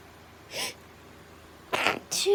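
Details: Brief sneezing fit attributed to autumn allergies: three quick, stifled sneezes in close succession.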